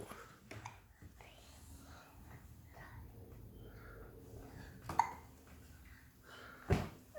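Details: Quiet room with soft breathy sounds, then two abrupt, sharp hiccup bursts a couple of seconds apart: hiccups.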